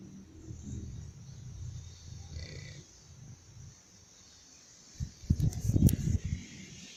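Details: English Bulldog asleep; low, rumbling, snorting breaths with a louder rattling snort near the end, from a noisy upper airway: snoring.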